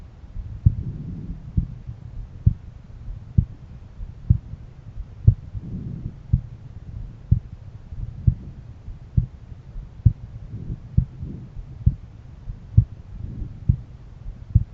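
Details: Own heart auscultated by stethoscope at a valve area: steady, regular low heartbeats at about 66 a minute with faint breath noise behind; normal heart sounds.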